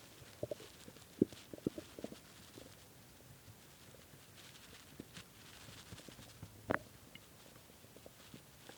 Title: really hungry stomach growling from skipping lunch and dinner and started growling bad at 3:am